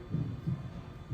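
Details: Simulated heart sounds from a training mannequin auscultated at Erb's point via RFID sensor, played through speakers in a COPD exacerbation scenario: two low, dull thumps over a faint hum.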